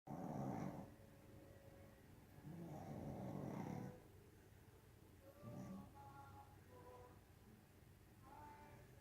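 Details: A pug, a flat-faced breed, napping: low rattling snores in sleep with softer snorts and faint whistling sounds between them.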